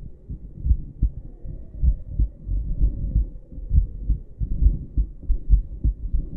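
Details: Regular low thumps of an American adult female's normal heartbeat, heard through a stethoscope at about 68 beats a minute, with some rubbing noise.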